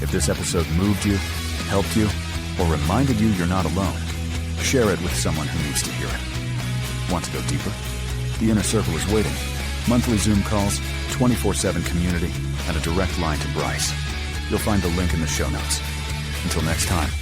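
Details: Adult male narrator; Normal speech.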